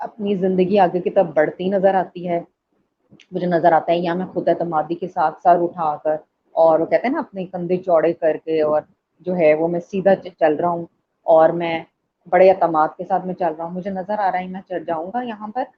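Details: Adult speaker; typical speech.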